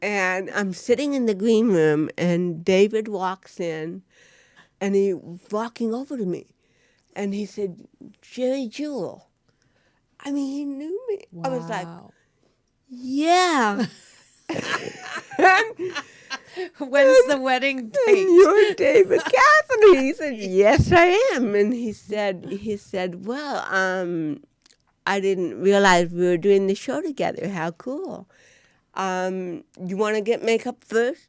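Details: Adult woman with cerebral palsy since birth, diagnosed at 18 months; real, unacted speech in a studio interview; dysarthria (cerebral palsy).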